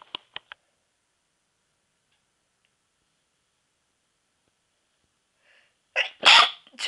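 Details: Deliberately imitated stifled sneezes: a few small clipped bursts, then a louder sneeze-like burst.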